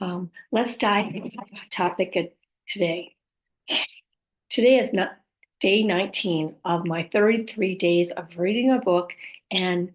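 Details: Woman whose communication challenges were caused by a stroke, with aphasia, apraxia of speech and dysarthria; finding: post-stroke aphasia with apraxia of speech and dysarthria.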